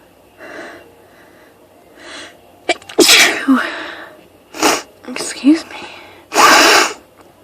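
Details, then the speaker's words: Sneezing fit set off by one spritz of perfume after being sniffly with an urge to sneeze all day: several forceful sneezes in quick succession, some with a sharp inhale before them. "I'm sneezing like crazy today."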